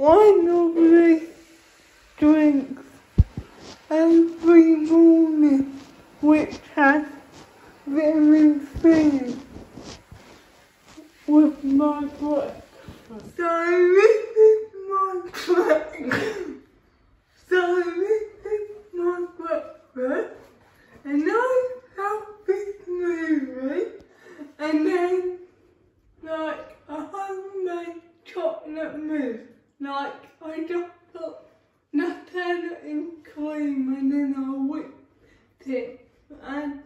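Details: Dysarthric speech in a female vlogger with cerebral palsy, real everyday speech.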